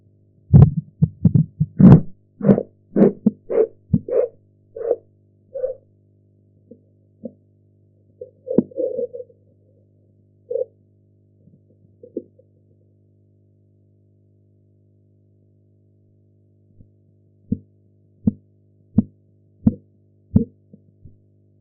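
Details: Blood pressure practice recording with audio enhancement and sphygmomanometer gauge: regular tapping pulse sounds under a deflating cuff, strong at first then fading; Korotkoff sounds.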